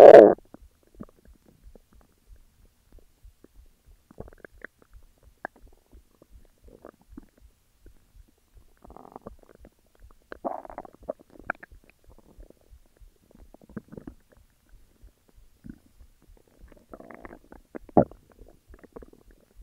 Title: Stomach growls